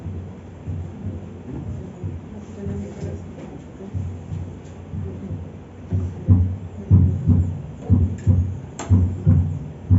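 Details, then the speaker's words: Veterinary cardiac auscultation in a semiology lesson; regular paired thumps at about 60 a minute, becoming clearer over background hum; normal S1 and S2 heart sounds with a regular rhythm. "Muy bien Entonces estos dos ruidos corresponden al s1 y al s2 o lo que escuchamos nosotros en el corazón"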